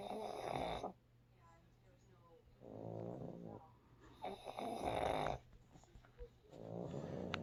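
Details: Two pugs snoring while napping: loud rattling snores alternate with quieter breaths, about eight breaths a minute, over a steady low room hum.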